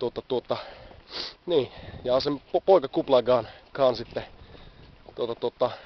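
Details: Adult man who stammers, speaking Finnish outdoors while on the Great Wall of China; stuttering.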